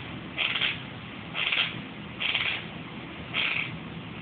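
Four short, gritty scraping bursts about once a second, consistent with teeth grinding (bruxism).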